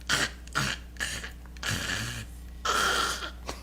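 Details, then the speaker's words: Simulated snoring: an adult imitates a husband's snoring with a run of short, rough, snorting bursts through the nose and throat. "A lot of you who have husbands who snore, it sounds like this."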